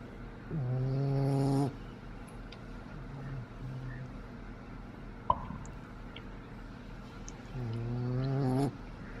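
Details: Snoring in a 10-week-old boxer puppy asleep, exhausted after a play date: two loud, buzzing, tonal snores about seven seconds apart over room hum, a faint softer one between.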